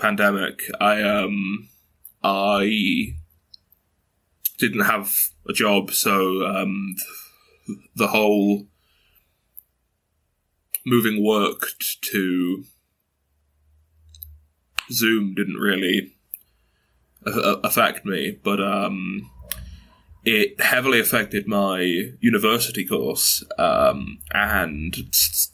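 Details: 22-year-old man who has stuttered since early childhood, mother also stutters, reports blocks and repetitions; stuttering.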